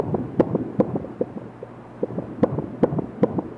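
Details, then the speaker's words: Fetal heart rate recorded by the pink transducer of a CTG monitor connected to a tablet on a pregnant woman: rapid, soft rhythmic thumps about 150 a minute. "a pink transducer measures the fetal heart rate in the um it is an excellent device that makes accurate measurement"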